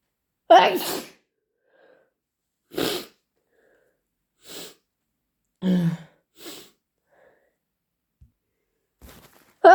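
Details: Several forceful sneezes with sharp intakes of breath between them in a quiet room; sneezing, with snotty nose blowing.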